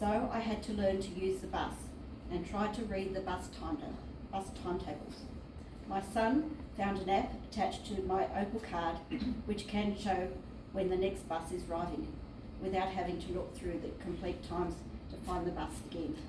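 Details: Woman living with aphasia since 2005, onset at age 43, acquired after very severe seizures and central nervous system vasculitis; aphasia.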